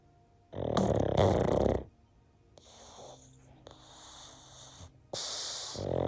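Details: Pug snoring while napping with its tongue sticking out; loud rattling snore on each breath in, with softer whistling breaths between.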